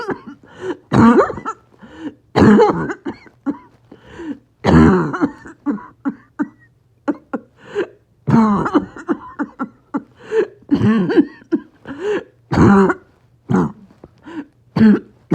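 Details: Coughing spasm in COPD with low oxygen and extreme shortness of breath: repeated harsh, barking, choking coughs in back-to-back spells with strained breaths between.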